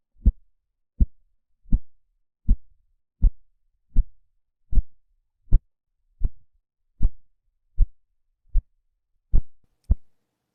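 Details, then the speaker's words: Simulated Korotkoff sounds from an auscultation trainer's blood-pressure library, listened to while palpating the pulse: regular low tapping thumps at about 78 a minute. "you can feel the pulse from one side as long as you can listen to the kratkov sounds [Music]"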